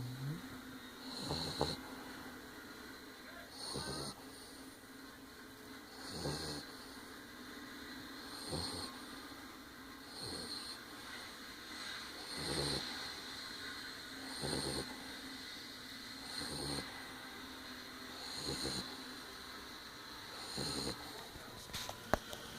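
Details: Sleeping puppy snoring softly with regular, rhythmic noisy breaths, about 28 a minute.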